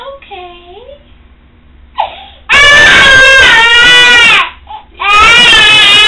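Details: Infant with hearing loss at first cochlear implant activation, level slowly increased from low: soft whimper rising into loud, high-pitched crying bursts in a small room, a response to first sound.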